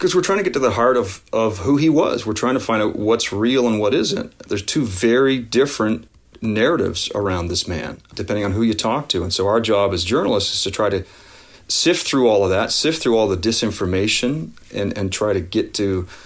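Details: Adult speaker; normal voice.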